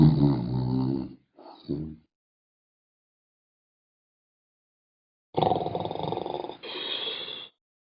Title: Snoring sound effects